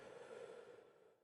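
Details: Normal breath sounds on chest auscultation with stethoscope during respiratory clinical examination, patient taking deep breaths in and out with mouth open; normal breathing.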